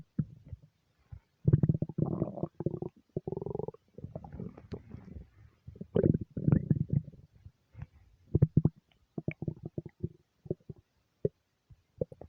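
Repeated low gurgles and squelching rumbles in uneven bursts with short gaps: ordinary stomach rumbling from gut movement.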